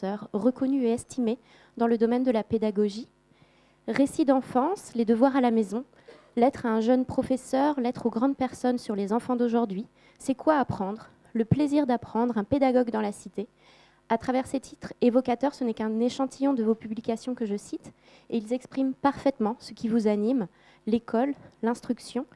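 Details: Adult woman speaking French; normal voice.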